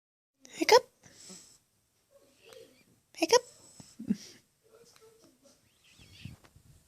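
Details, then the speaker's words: Infant girl with hiccups, heard as two sharp, abrupt catches of breath a few seconds apart with soft baby sounds between; she also hiccupped often in the womb. "had the hiccups all the time inside my belly. Now you have them all the time outside."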